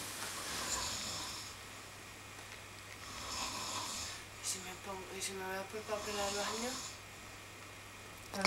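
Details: Loud snoring of a sleeping person in a hostel during an interrail trip: rhythmic hissing, rasping breaths about every three seconds, a brief voiced buzzing stretch midway, steady low hum behind.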